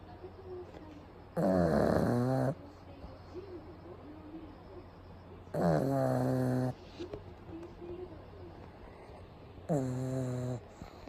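Loud, buzzing, drawn-out snores about every four seconds, around fourteen a minute, with softer snuffling breaths between.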